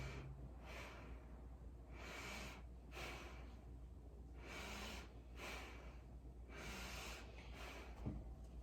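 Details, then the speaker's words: Head-to-toe assessment, posterior lungs auscultated during deep breaths on request: slow, deep breaths with soft, even airflow, no crackles or wheezes; anterior lungs also clear and not diminished; normal breath sounds. "posterior of her lungs appear to be clear there is no wrong car without any rails crackles"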